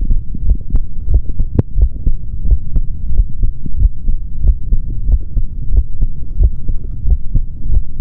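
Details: Adult male heart sounds through a stethoscope, ASMR recording: soft repeated low lub-dub thumps over a faint steady hum.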